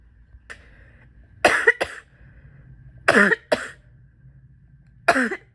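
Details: Adult with chronic bronchitis from asthma and allergies, during a respiratory illness: three loud bouts of mostly paired, rattly, congested coughs, a wet, chesty cough.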